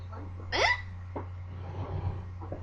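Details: A sudden sharp hiccup with a brief voiced catch, then a softer second one: persistent hiccups that would not go away.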